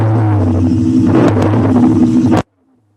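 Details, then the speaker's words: Rhonchi on lung auscultation: a low-pitched, continuous snoring rumble, much deeper than normal vesicular breathing, from obstruction or narrowing of the lumen in a thicker part of the bronchial tree. "o ruído mais grave certo então eu tenho uma obstrução ou estreitamento da luz e uma parte mais grossa da árvore bronquial"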